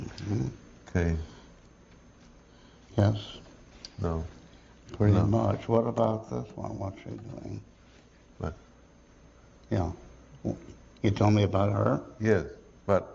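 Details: Patient describing the cookie jar picture; non-fluent aphasia with reduced speech rate, good comprehension, poor repetition and naming; lesion in the posterior inferior frontal lobe; Broca's aphasia.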